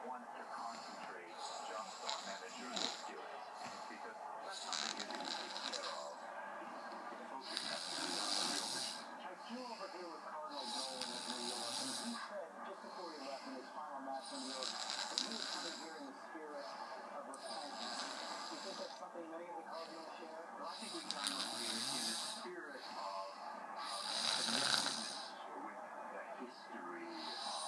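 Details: Unusual snoring with odd hissing, snorting snores repeating about every three to four seconds, and television talk in the background.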